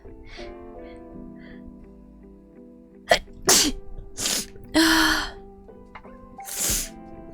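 Several loud, explosive sneezes, some with a sharp in-breath before, over background music; ordinary sneezing.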